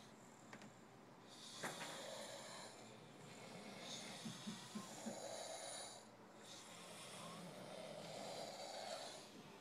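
Repeated rough, rattling breaths with a noisy hiss in each cycle over steady room noise: snoring.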